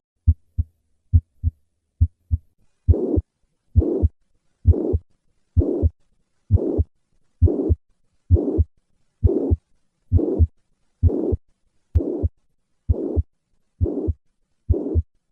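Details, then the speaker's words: Mitral regurgitation: a holosystolic murmur of constant intensity that extends all the way to the second heart sound, heard best at the cardiac apex. "In summary, mitro regurgitation presents with a holo systolic murmur of constant intensity which is heard best at the cardiac apex."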